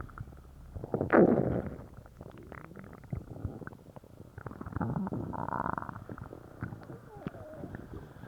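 Low gurgling and rumbling abdominal sounds come in irregular bursts, one loud growl early on: active bowel sounds, or borborygmi, after a laxative.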